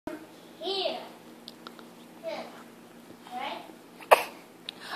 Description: fake coughing to get an "Oh no, are you okay?"